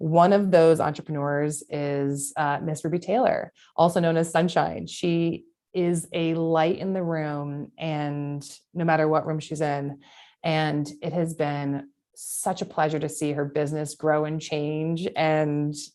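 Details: Adult woman speaking; no disorder.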